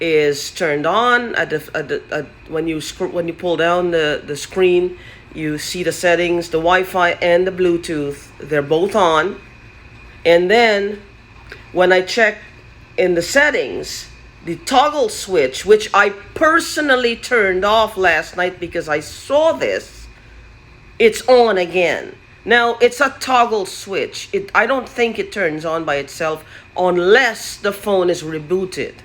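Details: Adult man who says his current stammering and stuttering started recently; stuttering.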